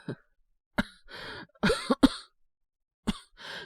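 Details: Acted cough from a cold by a male voice actor playing a feverish character (about 38°C) with headache and nausea who has taken medicine; several short throaty coughs with throat clearing, about six bursts, simulated.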